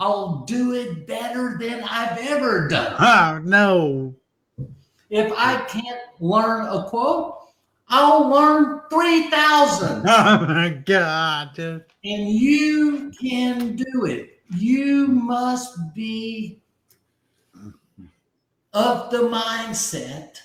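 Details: Aphasia after a stroke about 15 months earlier; at first he could not be understood at all, and he has since relearned over 20,000 words.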